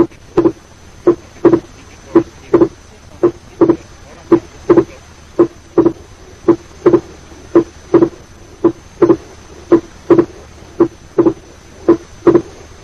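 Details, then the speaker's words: Wide fixed splitting of S2 over the pulmonary area from delayed P2 in atrial septal defect; no respiratory variation in the split through inspiration and expiration. "Compare this with the wide and fixed splitting of the second sound over the pulmonary area due to a delayed P2 in atrial septal defect. Note that there is no respiratory variation in the splitting of S2."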